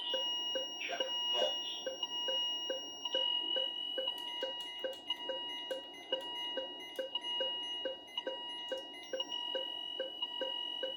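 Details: Philips IntelliVue MP30 patient monitor alarm sounds, ISO and traditional, with ZOLL E Series defibrillator sync and charge pressed manually after a no-shock advice; the rhythm comes from an ECG simulator.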